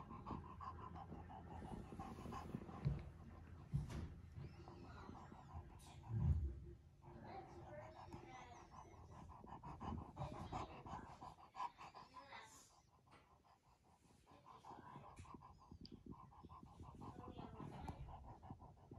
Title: Heavy breathing Bulldog